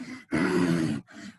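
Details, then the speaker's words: Adult lecturer imitates stridor, the harsh, strained, high-pitched breath sound heard when the throat swells, e.g. after extubation, in an oxygen-therapy lecture; imitated stridor. "remember because we said strider is what you hear uh when the throat swell up"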